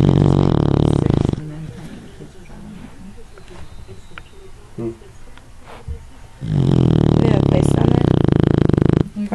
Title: Bowie, the snoring dog